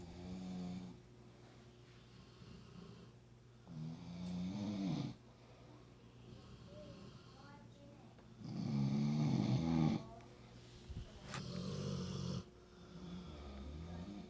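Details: Dog and owner snoring together: loud, rattling inspiratory snores with a softer second snorer heard between.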